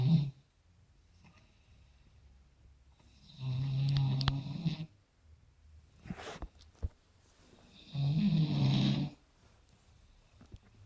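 Two loud, low, rough snores with quiet breathing between them, about 14 cycles a minute; snoring during sleep.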